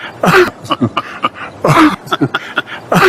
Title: COUGHS in the FACE ofMayorkas at Border....🤭🙄🤣🤣